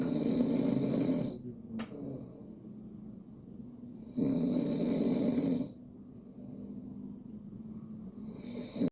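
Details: Loud rattling snores on inhalation, about two in nine seconds, separated by quieter breathing, captured by a smartphone snoring app.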